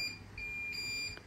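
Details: High, clear electronic alarm beeps over quiet room hum from hospital bedside equipment around 1 am, about day four after a scoliosis spinal fusion; the patient, in pain, has a morphine button.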